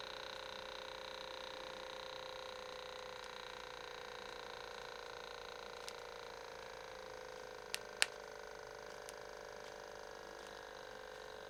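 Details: Steady motor whine and faint clicks of a home automatic blood pressure cuff inflating and measuring, live demo by user, reading 154/94 described as high; automatic blood pressure monitor inflating.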